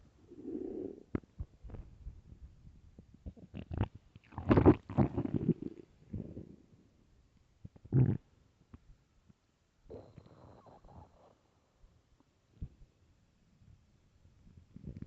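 Loud gurgling, rumbling stomach growls in irregular bursts with quiet gaps; ordinary hunger bowel sounds on an empty stomach.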